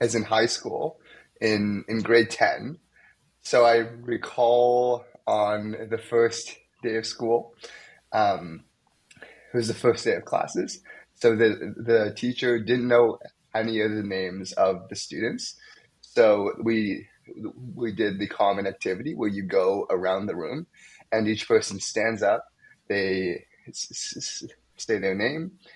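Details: Young adult male medical student who has stuttered most of his life, with blocks, especially on his name, and sound repetitions; stuttering.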